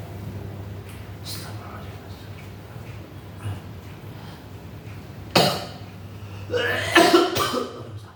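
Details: Adult ambulance driver volunteer having a short coughing fit, a few harsh cough bursts over steady room hum and faint talk; he describes exhaustion and body cramps; receiving therapy.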